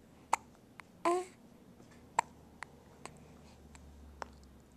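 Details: A 2½-week-old infant girl waking from a nap gives a brief coo, then a run of short, sharp hiccups at irregular intervals.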